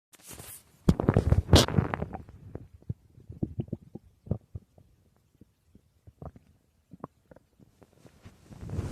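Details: Person's stomach growling while asleep: irregular gurgling and popping rumbles from the belly, louder at first, then scattered; borborygmi.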